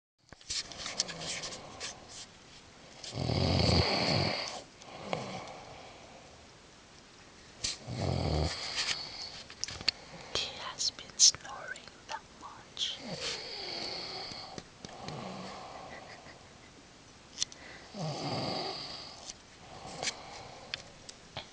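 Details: Male sleeper snoring, thinking no one notices: loud rumbling snores every few seconds with softer noisy breathing between them; ordinary snoring.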